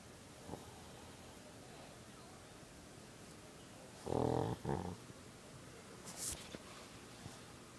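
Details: A sleeping dog snoring: one short snorting snore with a second brief burst, then quiet room noise with faint small sounds.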